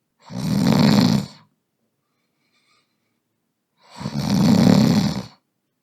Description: Sound effect of a snoring man.